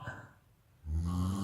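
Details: Quiet breathing, then a deep, loud, rattling inhalation snore from a sleeping man; strong snoring.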